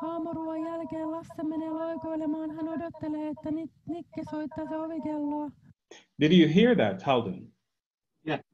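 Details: Woman, a few months after left vocal fold paralysis with the fold about 1 mm from midline, before injection augmentation; wrong compensatory technique giving abnormally high falsetto-like pitch; unilateral vocal fold paralysis.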